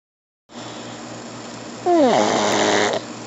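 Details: Snoring pug: a single loud, whistling, rattling snore from a small flat-faced dog over a steady background hiss.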